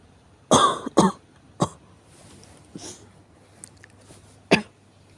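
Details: Five harsh adult coughs on waking in a quiet room over about five seconds, four strong and one fainter: a morning cough.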